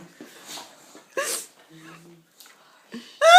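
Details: Boxer dog having a sneezing attack: a run of sharp, explosive sneezes in quick succession, with faint voices nearby.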